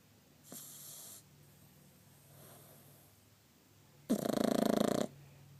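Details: Pug (or Jug) dog snoring: a soft airy breath, then a loud fluttering rattle about a second long.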